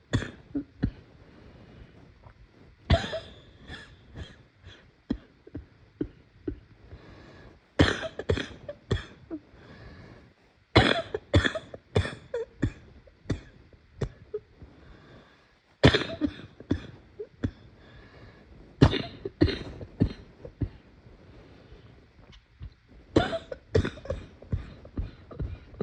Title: I’m sick and it hurts to cough …￼